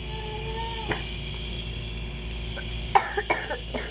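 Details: Cough from a person with cough and cold, during smoke inhalation, with the chest pressed out to breathe in the smoke.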